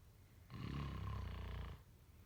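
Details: One deep, rumbling snore about a second long on the in-breath, with quiet breathing on either side: typical snoring.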